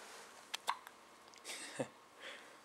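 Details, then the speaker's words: Hiccups from a baby girl: brief, sharp catching sounds in quick succession, one with a small voiced squeak, over quiet room noise. "hey td and papa hey little olivia's got the hiccups"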